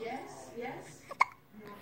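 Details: Baby with hiccups, upset and crying about them: soft voiced sounds, then a single sharp, abrupt gulping hiccup.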